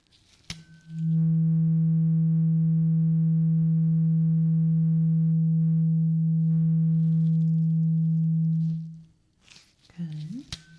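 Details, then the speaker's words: Simulated ASMR ear exam hearing test: a struck tuning fork rings as a pure steady low hum for about eight seconds, then fades, with light handling noise; the role-play patient reports when it stops. "I need you to close your eyes because we're going to bring out the tuning fork again. And I want you to tell me when the tuning fork sound stops."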